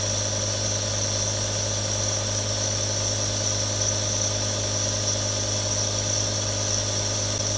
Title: ASMR Nebulizer Sound [RELAX NOW WITH THREE NEBULIZERS] 1 HOUR NO ADS | Aerosol Sound